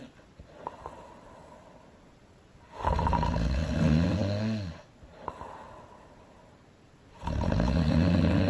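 Two long, loud, rumbling snores with quiet breathing between them, from an animated film: exaggerated snoring.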